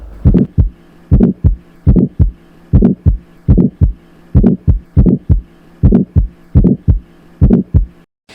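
Regular heartbeat, about 70 a minute, with a harsh rising-then-falling whoosh between beats; an aortic stenosis ejection murmur.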